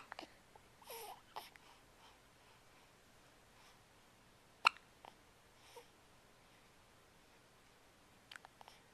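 Several brief, sharp gulping clicks at irregular intervals in a quiet room, with faint vocal sounds; hiccups.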